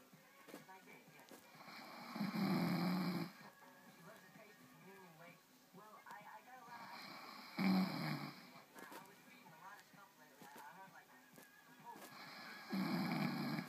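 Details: Person snoring after drinking some Disaronno: three loud, rumbling snores about five seconds apart, roughly 12 breaths a minute, with music and faint talk in the background.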